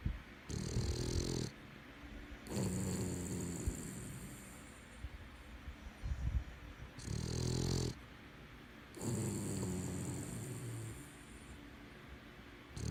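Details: Sleeping Boston Terrier snoring: loud, rattling snores in repeated long breaths with quiet gaps.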